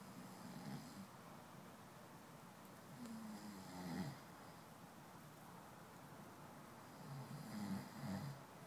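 Low rattling snores on the in-breath, about three over nine seconds, with quiet pauses between them. Ordinary snoring.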